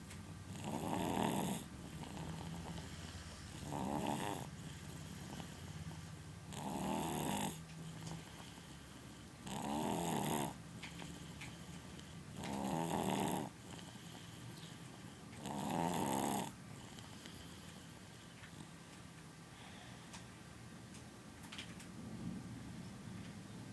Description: snoring loudly